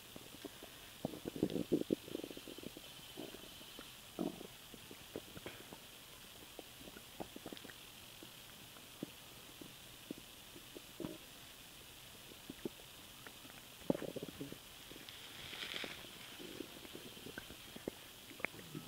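Quiet scattered gurgles and bubbling rumbles over faint hiss: stomach noises after swallowed air, ordinary bowel sounds.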